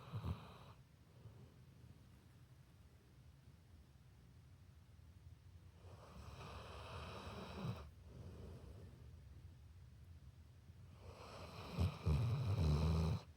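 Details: Sleeping pit bull dog snoring; soft low snores with breathy rushes every few seconds and a louder snort near the end.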